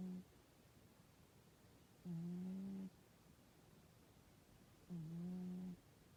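Soft, steady humming snores from a sleeping cat, about one every three seconds, with quiet pauses between.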